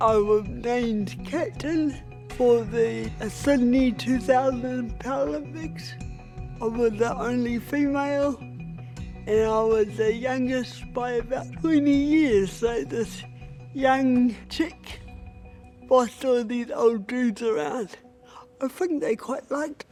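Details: Woman with cerebral palsy who considers her voice a barrier to getting equal respect; dysarthria (cerebral palsy).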